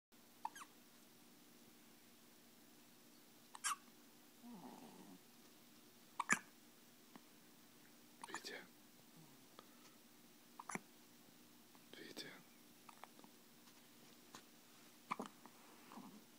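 Quiet, brief sharp clicks about every two seconds, about 30 a minute, with faint soft sounds between them; hiccups.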